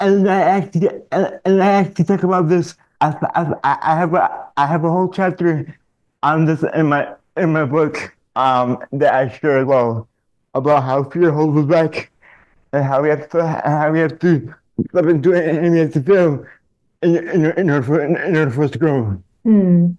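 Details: Adult man diagnosed with dystonia, a neurological disorder affecting mobility, as a child; speech in dystonia with word and phrase repetitions.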